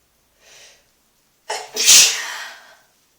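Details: Loud hissing sneeze after a soft in-breath and sharp catch, echoing in a small room, while sitting in a bathtub; an ordinary sneeze.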